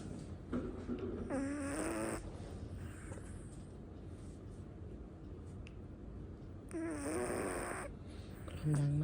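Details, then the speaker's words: Heavy snoring from a sleeping dog. "มาดูหมานอนกรนนะคะทุกคน"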